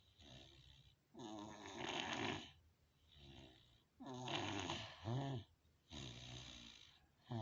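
Loud, rattling snores on each breath in, with softer breaths out, about 20 breaths a minute: typical snoring.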